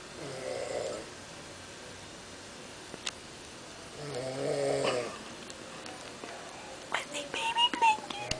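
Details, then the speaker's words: Brother snoring while asleep in a bed too short for him: two rough, rattling breaths about three seconds apart, with faint rustling and clicks between them. "is my brother sleeping and snoring, and I pet you."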